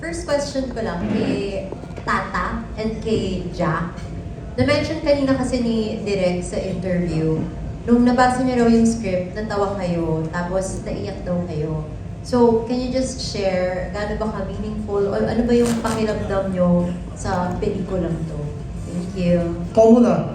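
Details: Adult woman; normal speech.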